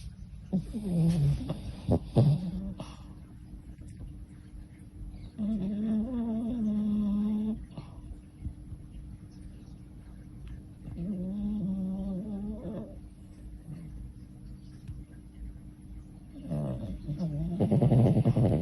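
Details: Sleeping Pomeranian–Chihuahua dog snoring: slow, drawn-out buzzing snores on inhalation a few seconds apart, with a steady room hum behind.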